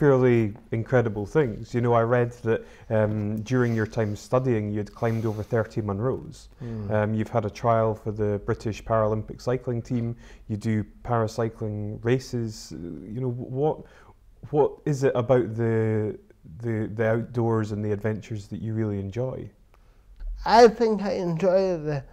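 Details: Adult male interviewer; typical speech.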